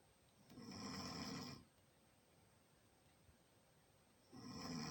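A rough, rattling snore lasts about a second, a quiet pause follows, then the next snore begins: ordinary snoring in sleep.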